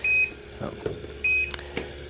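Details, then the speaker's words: Inogen One G5 portable oxygen concentrator powering on after the power button is held: two short high beeps with faint clicks between, the start-up boot sound. "to turn the machine on uh you've got your power button here so we're just going to hold that down for a second and release and we're going to see the machine uh boot up"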